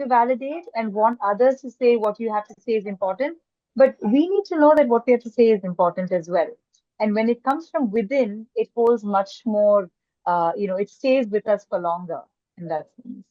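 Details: Adult woman; typical speech.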